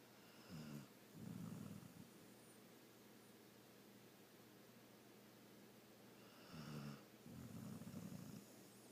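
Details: Two soft, low, rumbling snoring inhales with a brief pause between in a quiet room: a female dog snoring.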